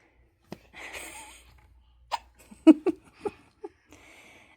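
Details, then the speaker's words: Baby boy with hiccups, said to need some milk: several short, abrupt hiccup sounds with a few soft breaths in a quiet room. "Baby has a hiccups. Needs some milk."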